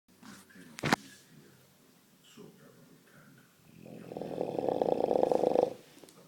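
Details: Large Dogue de Bordeaux sleeping with mouth open, quiet room, a brief knock, then a loud rattling snore of about two seconds; snoring.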